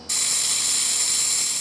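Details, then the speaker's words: 49-year-old woman undergoing deep facial resurfacing with an Active FX fractional CO2 laser; steady high-pitched hiss with fine buzzing rattle as the CO2 fractional laser fires. "we're treating it with the act of FX co2 fractionated laser all of our face will be doing a deep resurfacing"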